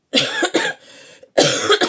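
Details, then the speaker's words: Adult woman, ill and improving, with a dry irritative cough unrelieved by syrups: three short, harsh cough bursts without rattle or phlegm. "Non là c'est vraiment de la tou sèche mais j'en ai aucun qui me calme. Alors c'est de l'irritation maintenant."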